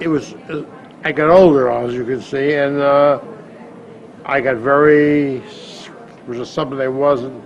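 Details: Woman with aphasia after stroke, initially told she would not speak again, now reading and writing but with persisting word-finding difficulty; aphasia.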